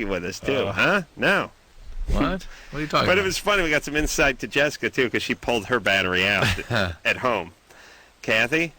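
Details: Adult male speakers on a radio talk show; Normal conversational speech.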